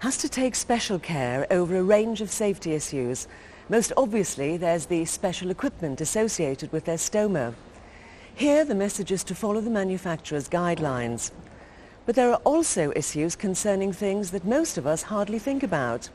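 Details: Adult female narrator; typical speech.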